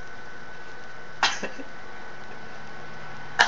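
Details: Quiet room, a short sniffing burst, then one sharp explosive sneeze at the end as the person finally manages to sneeze after trying.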